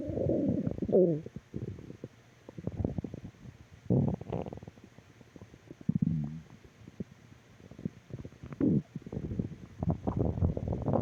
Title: Stomach Growl Audio 3